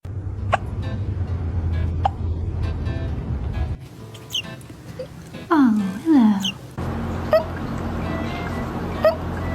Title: Kittens hiccups #foryou #cat #kittten #funny #katten #catvideos #pets #fyp #foryou